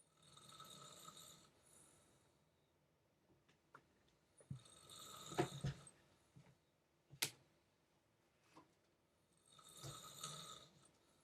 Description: My parents are snoring VERY LOUD!!!